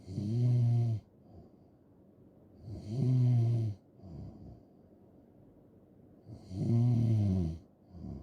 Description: just snoring and snoring loud asmr